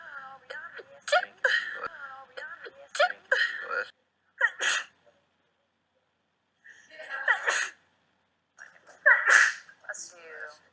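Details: Several sharp, explosive sneezes in a run, each preceded by a quick intake and separated by pauses; sneeze compilation.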